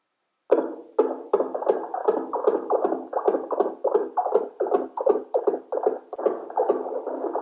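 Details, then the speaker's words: Simulated fetal heart sound in a demo of a smartphone-based wireless NST/CTG fetal monitor: the FHR probe is tapped in a dummy test, giving rhythmic whooshing pulses of about 150 a minute. "Now, like you see, I am trying to create a baby's heartbeat by tapping on the FHR probe."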